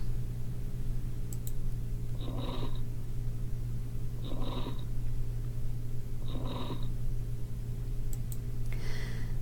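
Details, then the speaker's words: Lung crackles from a teaching demonstration of adventitious breath sounds: short, rough crackling bursts repeating with each breath over a low steady hum. "so that just gives you an idea of some abnormal lung sounds"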